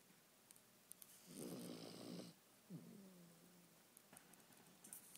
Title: My dog Conner snoring